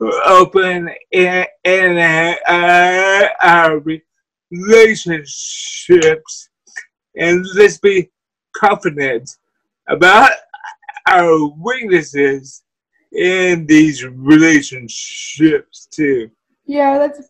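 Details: Dysarthria from cerebral palsy in a guest who uses a wheelchair.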